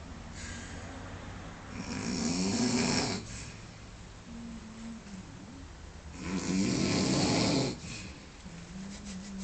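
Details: Man sleeping after a big one: two loud, rattling snores on the in-breath, about 13 breaths a minute, with quieter breathing in between. Heavy snoring.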